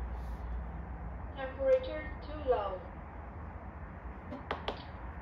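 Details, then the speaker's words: PROMISE PRO-M12D patient monitor voice alarm during temperature sensor type setting: recorded prompts "Temperature too low" and "SpO2 set off" over a steady room hum. "Temperature too low. SpO2 set off."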